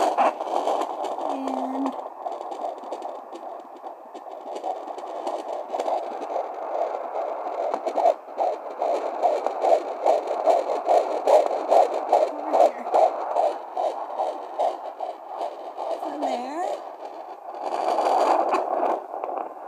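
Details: Doppler at 16 weeks gestation with twins: rapid, rhythmic whooshing fetal heartbeat pulses, about 145 beats a minute.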